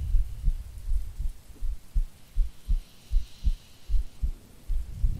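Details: Soft regular low heartbeat thumps, about 78 a minute, from an ASMR creator playing a sleepy girlfriend, recorded as a sleep aid under steady rain; normal heartbeat.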